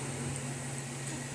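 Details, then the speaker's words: Baby with a dry cough getting a nebulizer treatment while asleep; steady low compressor hum with airy hiss. Mother is worried about bronchiolitis; cough seems worse from late afternoon into night. "Tô aqui tentando da nebulização nele comoo é melhor dormindo mesmo tentando"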